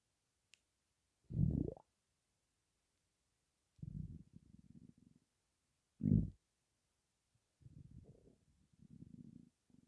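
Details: Stomach holding only gas and air, perhaps from hunger, gives low gurgling rumbles that come and go roughly in time with breathing in and out; stomach rumbling (borborygmi).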